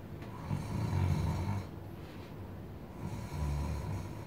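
Soft, low rumbling snores over two breaths with faint background noise: light snoring.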